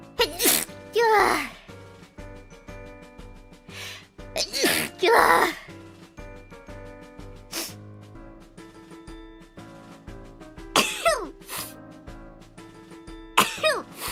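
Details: Female VTuber sneezing during an evening drinking stream while testing whether being drunk stops a runny nose: several sharp sneeze bursts, some paired, over light background music.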